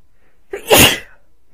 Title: A couple sneezes plus a blow